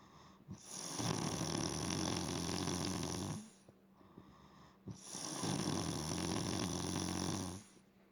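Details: An adult woman heavily snoring on a couch, described as loud as a chainsaw: rough, rattling snores on long breaths in, about two in eight seconds, with quiet pauses between.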